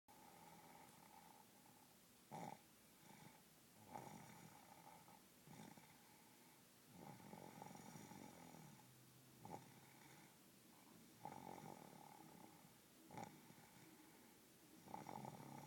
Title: Snoring baby